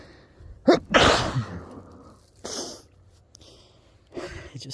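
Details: Adult outdoors while skateboarding in cold weather, after drinking alcohol, who blames allergies acting up in the fall cold: three sneezes in quick succession with sharp inhaled build-ups. Sneezing fit.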